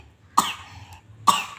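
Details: Young child gives two short, sharp coughs about a second apart right after drinking water straight from a bottle; cough after drinking.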